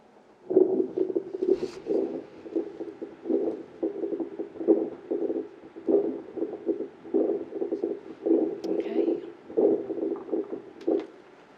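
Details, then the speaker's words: Puppy auscultated in a veterinary cardiology teaching case: coarse bubbling, gurgling sounds of fluid moving through the bronchi, in clusters through the breathing cycle. Rhonchi, taken to suggest underlying respiratory disease rather than pulmonary edema. "okay so the pumpy had wrong key ronke is the sound of fluid moving through the bronchi it's like a bubbling gurgling sound"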